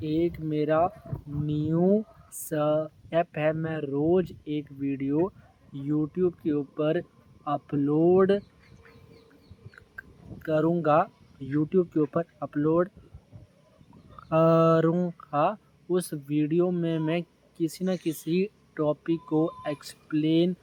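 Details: Stuttering (stammering) in an adult man, present since school, worked on for about four years since finishing 12th grade and still improving; the words 'upload karunga' are repeated here.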